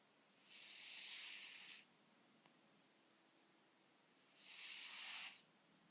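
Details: Sleeping cat snoring: two soft, hissing, whistly nasal breaths about four seconds apart.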